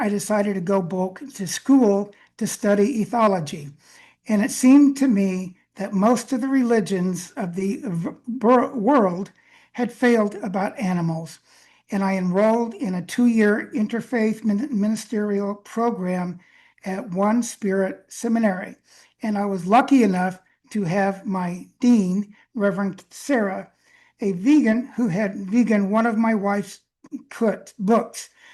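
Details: Man with aphasia who says he lacks access to many words and describes his talk as imperfect given his limitations; aphasia.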